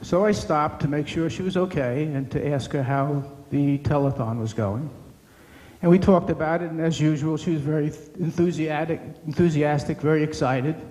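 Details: Adult man speaking; normal speech.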